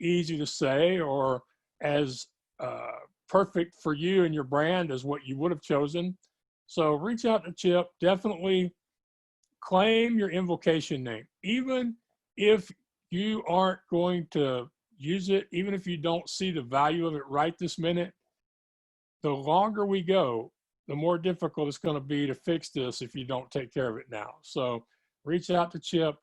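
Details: Adult woman with self-described moderate to severe cerebral palsy who needs help 24/7; dysarthric speech associated with cerebral palsy.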